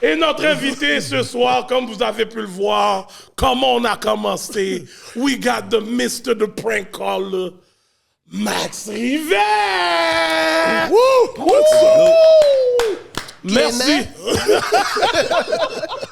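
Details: Adult male host; typical speech.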